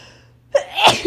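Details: Person on day 3 of a cold, sneezes hurting their throat: a brief quiet pause, then a sharp intake and a single explosive sneeze; sneezing.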